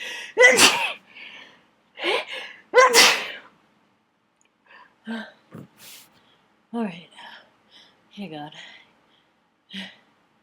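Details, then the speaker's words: Dust-triggered sneezing fit in an attic: three forceful sneezes in quick succession, then sniffs and short breathy noises. "I had just uh hit recorded started sneezing thinking it would be just a a small a small fit um but uh pretty much by the third sneeze I my nose was just uh over overflowing"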